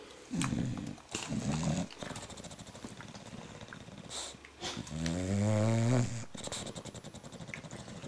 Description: Here's the little princess snoring.